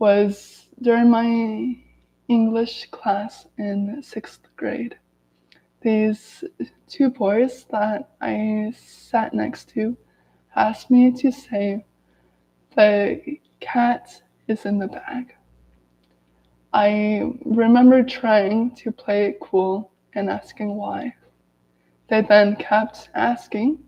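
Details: Adult woman who has stuttered daily her whole life, severe as a child, with speech blocks and S-words especially hard, speaking in a live video; stuttering.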